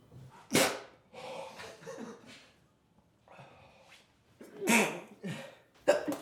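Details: Several sharp, explosive sneeze bursts separated by breathy gasps and brief quiet pauses, as a person tries hard to hold in sneezes.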